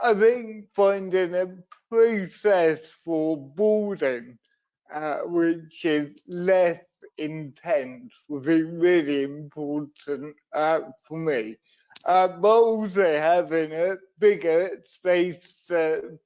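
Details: Adult man and wheelchair user with cerebral palsy from a brain injury sustained in an accident at birth, which affects his voice and leaves him unsteady on his feet; dysarthria (cerebral palsy).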